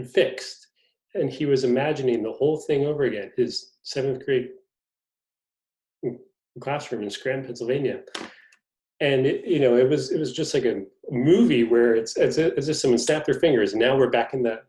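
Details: Stuttering in an adult male reporter who is a person who stutters.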